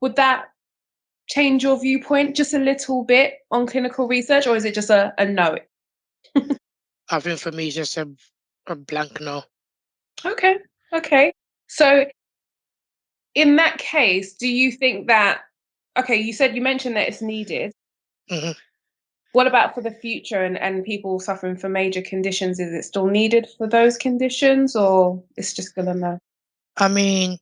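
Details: Adult speaker; normal speech.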